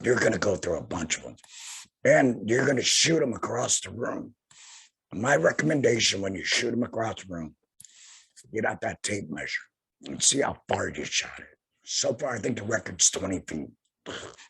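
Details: Tracheoesophageal voice in an adult man about two years after total laryngectomy for head and neck cancer, speaking via tracheoesophageal puncture by finger-occluding his stoma/HME.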